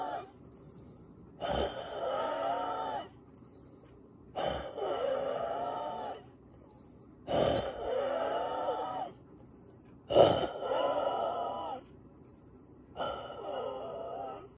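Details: Woke from sleep gasping for air, sinuses and lungs congested with mucus, usually relieved by breathing-machine medication: labored, wet, rattling breaths with sharp gasping onsets, about 5 per minute; labored congested breathing with gasping.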